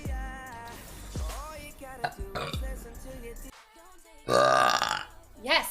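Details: Girl burping in a compilation: several loud, drawn-out voiced belches with brief talk and music in the background.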